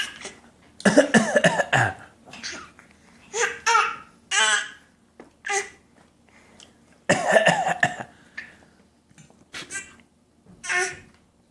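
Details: Voluntary cough from a toddler copying her father in play: short, forced coughing bursts mixed with voiced, laugh-like sounds.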